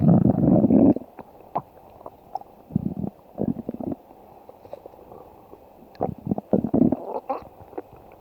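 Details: Stomach growling (borborygmi): irregular, repeated bursts of low rumbling and gurgling.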